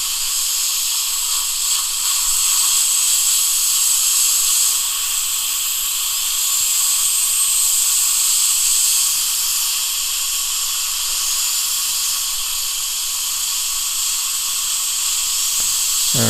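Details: Steady loud hiss of compressed air from a dental air syringe drying lower teeth 29 and 30 under rubber dam after occlusal polishing and decay removal, with a faint high whine.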